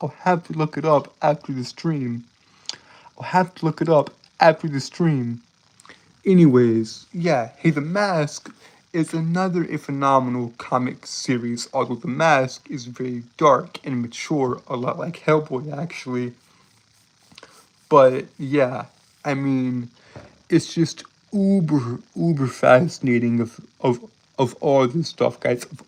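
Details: Stuttering in a male streamer who says he has a speech impediment that makes him stutter and trip over his words.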